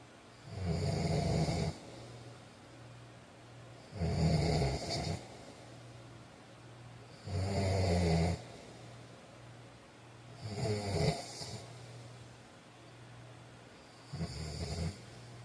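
Regular rattling snores on each breath in, about 18 breaths a minute, with quiet breathing between them: snoring during sleep.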